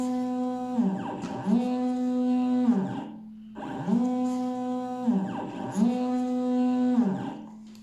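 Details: Prototype laser-cut "Ribs Ventilator" built for Covid-19, demonstrated live: steady motor hum rising and falling in pitch, cycling about every four seconds; mechanical ventilator cycling.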